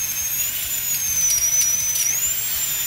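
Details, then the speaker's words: Steady high-pitched whine of a dental instrument as a hygienist cleans an adult woman's teeth during a routine dental visit, in an educational film. "the hygienist uses special tools some tools make noise they help get her teeth very clean"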